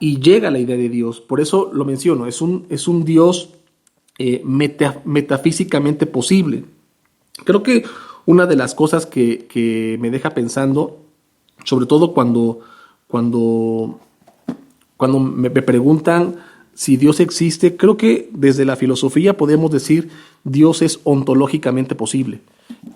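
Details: Spanish-speaking man who implies he is a person who stutters; spontaneous monologue; stuttering.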